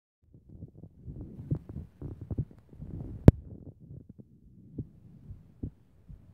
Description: Irregular but strong..